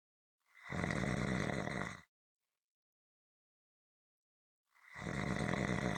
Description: This is a 7 minute clip consistant rhythmic snoring.